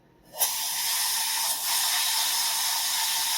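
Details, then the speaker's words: Dental air syringe blowing a continuous airy hiss over tooth number 10 during a tooth-colored composite filling, drying the bonding agent with suction placed behind it until nothing wiggles, before light curing. "then the doctor or yourself will go and blow it off with air until nothing Wiggles anymore"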